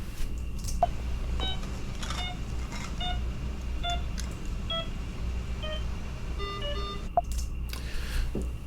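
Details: Simulated pediatric anesthesia emergency in a simulation lab: suspected laryngospasm during inhalational induction, managed with chin lift; the pulse oximeter tone falls in pitch as oxygen saturation drops.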